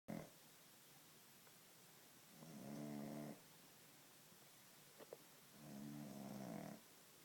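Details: Sleep snoring likened to a pig's while lying comfortably on a couch: two slow, low, buzzing snores, each about a second long, with quiet pauses between; regular snoring.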